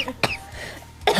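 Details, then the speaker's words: Adult streamer coughs suddenly during a live chat: a sharp cough burst, then quiet and another brief explosive sound at the end, followed by an apology for coughing. "villain I just coughed on your boobs I'm so sorry I'm sorry please forgive me"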